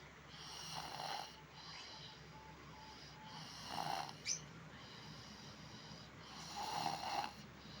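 Soft, rattling snores about every three seconds, roughly 20 breaths a minute, over steady background hiss: snoring.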